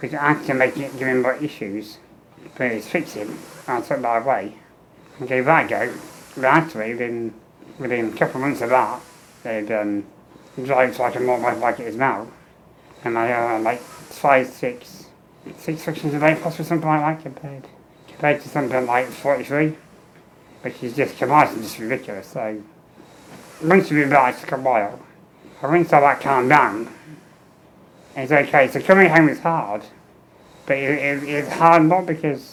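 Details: Adult man with muscular dystrophy and low lung capacity, tracheostomy for 15 years with fenestrated tube, ventilator pipes with speaking valve; air leaks around trachea; speech in spurts with each ventilator breath, breaks between; ventilator-paced speech with tracheostomy.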